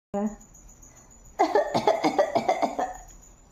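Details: Acted cough by a child: a brief vocal sound, then a rapid run of about eight or nine short voiced cough bursts.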